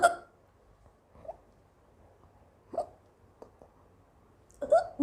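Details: Brief, abrupt voiced hiccups recurring every one to two seconds, some louder, from an Indian young woman who has had hiccups for a long time and is trying black pepper powder; the recording also has sneezes and a little cough. Persistent hiccups.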